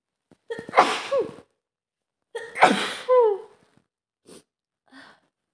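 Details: Person sick with a cold and heavy nasal congestion, in a recording of a male and female couple both sick at home: two forceful sneezes, each after a sharp intake of breath, then faint sniffles; sneezing.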